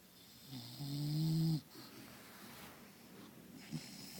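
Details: Bulldog named Vanilla asleep: a loud, low, rattling snore on the in-breath fading into quiet breathing, with a brief snort near the end, snoring.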